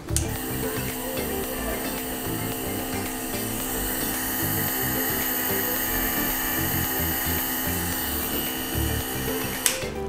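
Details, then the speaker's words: Omron C801 compressor nebulizer, the smallest model, running with medication loaded during a sound-meter noise test reading about 75.1 dB; steady mechanical buzzing hum with faint background music. "Nah untuk kebisingannya ini di 75,1 desibel lanjut untuk nebulazer C101 kita Nyalakan dulu ya kita matikan nah kebisingannya 86,0 dibel lebih bising ya dibanding tipe 801"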